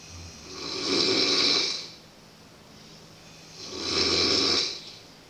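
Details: Two long, loud, rasping snores on the in-breath about three seconds apart, quiet exhalation between; heavy snoring, described as making sleep impossible in a boarding school.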